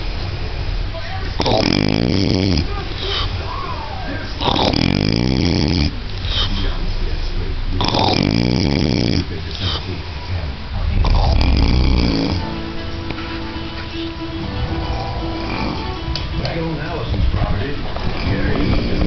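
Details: Adult man sleeping after about 32 hours without sleep, snoring heavily: deep, loud, rattling snores lasting one to two seconds each, with faint talk and room noise in the background.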